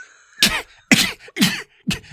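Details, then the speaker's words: Four short, sharp dry coughs with no rattle from an adult man, not congested. "Anyway, I've got this stupid dry cough."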